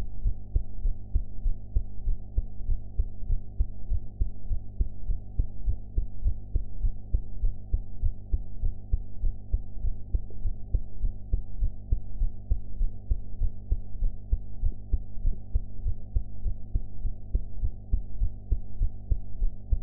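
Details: Own heart sounds recorded after eating ("blue"), audio quality enhanced afterwards: deep, muffled, regular heartbeat at about 100 beats a minute, boosted low-pitched recording.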